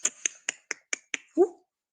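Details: Six rapid sharp clicking or popping sounds, then a brief voiced grunt: simple vocal tics in an adult woman with Tourette syndrome. Her tics began at age 5 and she was diagnosed in adulthood.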